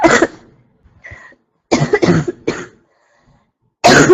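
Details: Girl who is sick coughing: several loose, irregular coughs in short bursts with a throat clear between them; she says the mucus is gone and it is hard to breathe without coughing.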